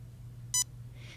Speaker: when you press the finger switch you will hear an immediate beep tone but the laser will not yet activate until you press press the switch for approximately 1/3 of a second